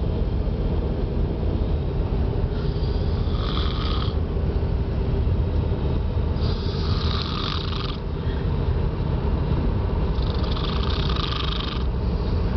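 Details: Snoring during a short nap while travelling by car: three slow, rasping breaths about every four seconds over a steady loud background rumble.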